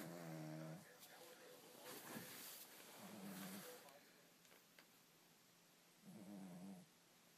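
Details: Dog snoring heavily: several loud, low, buzzing snores on breathing in, with noisy breaths between; snoring.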